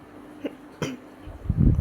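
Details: Person who is currently sick, coughing during an ASMR eating recording: two short, sharp cough bursts then a louder, muffled cough close to the microphone; cough.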